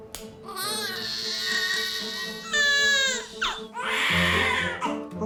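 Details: Vigorous cry of a newborn baby girl just after birth, heard in a hospital paediatric setting before her baby check.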